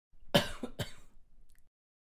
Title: Male Cough